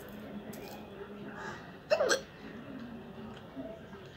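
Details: Hiccup challenge, real sound without water: a single sharp, abrupt hiccup against quiet room noise.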